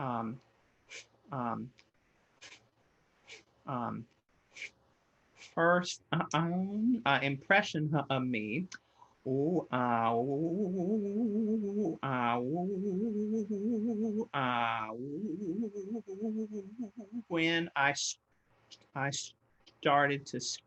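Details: Real stuttering in an adult man who stutters, heard while presenting a webinar on career barriers for people who stutter; stuttering.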